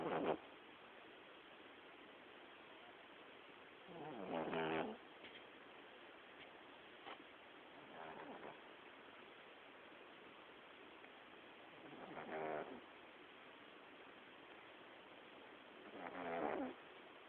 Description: One of my cats, Raziel, snores like a chainsaw!!